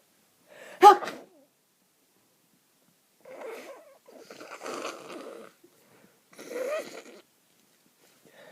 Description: Still absolutely full of the cold. I'm very snotty, the sneezing is getting less but having to blow my nose lots. Wet blows and sniffing.